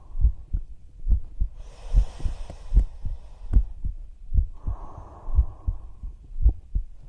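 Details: ASMR recording of a woman's own heartbeat heard close to her chest while lying down and using her phone, soft calming "toku-toku" beats; normal heart sounds.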